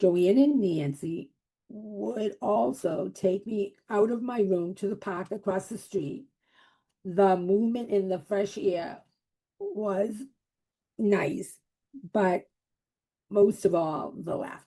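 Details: Adult woman with aphasia after a stroke in January 2010, initially unable to speak for three months; aphasia.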